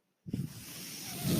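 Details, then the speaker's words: Mechanical ventilator noise in the background while the person using the ventilator speaks in a podcast recording. "That noise you're hearing is my ventilator."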